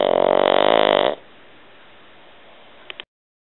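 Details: Pug snoring: a loud, buzzing, fluttering breath of about one second, followed by quiet.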